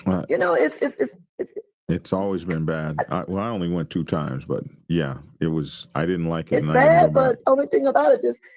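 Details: Adult man speaking; Normal voice.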